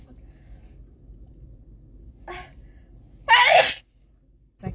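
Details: A girl having a Covid-19 nasal swab test, with the nostrils swabbed and saying it tickles: a brief inhaled catch, then one loud explosive sneeze and a short sound after it, a sneeze set off by the nasal swab.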